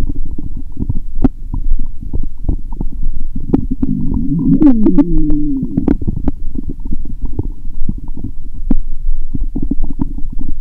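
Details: Adult lying down after drinking many lactic acid bacteria drinks, stethoscope placed gently on the belly: low continuous rumbling, scattered clicks, a louder gurgling, squealing burst midway; active bowel sounds (borborygmi).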